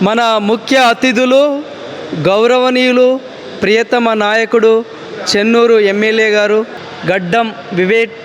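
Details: Adult announcer; normal voice.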